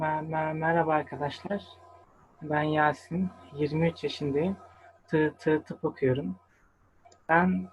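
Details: 23-year-old man with stuttering that began in early childhood, who has attended stuttering therapy courses; stuttering.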